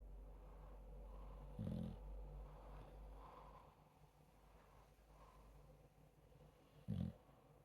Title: Snoring away with his eyes wide open. Anything for a few more minutes in bed. 🐶💤 #sleepy #sleepyhead